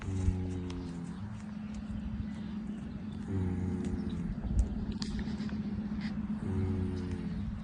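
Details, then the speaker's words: Horse named Braveheart snoring. "Braveheart, are you snoring? Oh my goodness. Oh, you poor baby."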